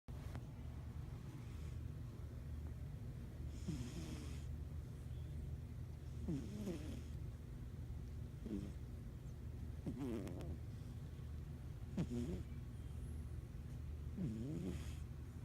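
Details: Justice, a sleeping cat, snoring with soft rhythmic snorts about 27 a minute over a steady low background hum.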